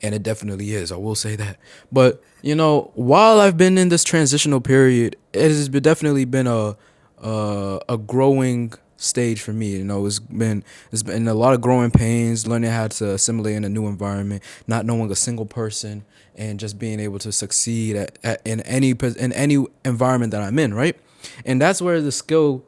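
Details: 18-year-old male college sophomore who stuttered heavily as a child and still stutters, with part-word and whole-word repetitions; stuttering.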